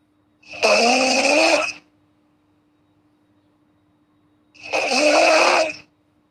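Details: Snoring during sleep in a girl: two loud, rough, vibrating breaths about four seconds apart, with silence between.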